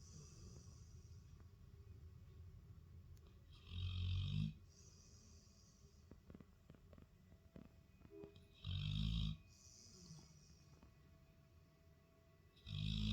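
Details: Labrador dog asleep on the couch, snoring: deep, rumbling snores, three in about 13 seconds, with faint music behind.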